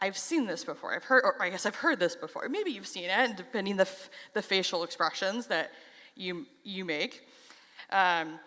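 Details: Adult who stutters; stuttering.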